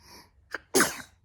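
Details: 11-month-old baby sneezing: a soft in-breath followed by a single sharp, breathy burst, an ordinary infant sneeze.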